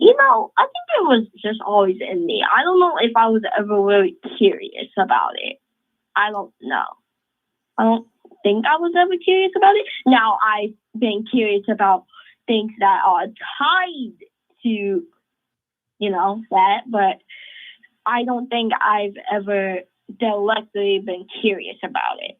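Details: Adult speaker; Normal conversational speech.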